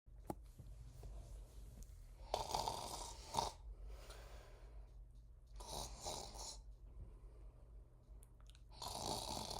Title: loud snores 2